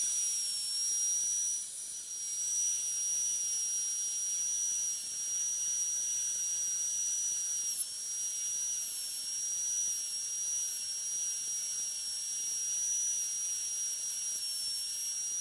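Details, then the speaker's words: High-speed dental handpiece with a TF12EF yellow-band flat tapered polishing bur smoothing the metal-ceramic crown preparation on tooth 46; steady high-pitched whine with hiss. "For this I am going to use a flattened tapering polishing burr. This is TF12EF with the yellow band. This is used for smoothing the preparation."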